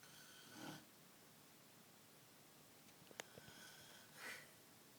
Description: Mom snoring.